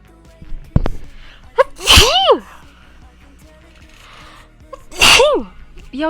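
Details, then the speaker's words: Two sneezes from girl streamers, each a sharp in-breath followed by a high explosive burst with a falling voiced tail, with quiet room noise between; sneezing. "I need to sneeze. Sorry."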